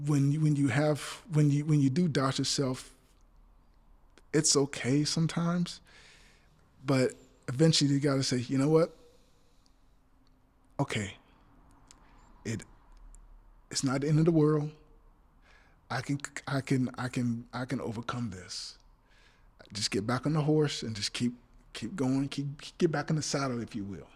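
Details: Adult male actor with stuttering since childhood that persists; stutters in this passage while trying to recall names, saying he is not nervous; stuttering.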